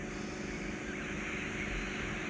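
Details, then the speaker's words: Steady loud rushing hiss, squeaky at points, of endoscopic ear microsuction in a woman's ear canal with macerated, soggy skin and discharge from a suspected outer ear infection. "it does get a bit squeaky at points as well this because of uh there's a lot of skin in there as well"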